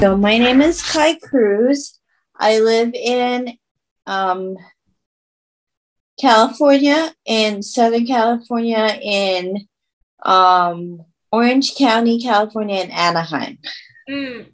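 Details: Aphasia in a woman after a stroke at age 24, about 10 years earlier, with reported auditory processing difficulty, trouble finding and saying words, and reading difficulty.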